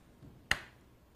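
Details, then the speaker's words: Single sharp click of a transcranial magnetic stimulation coil positioned on the head of a patient treated for depression, a pulse during motor threshold testing that causes an involuntary twitch to set the dose. "it's an involuntary movement that shows that the electromagnetic waves are penetrating through the skull to the brain"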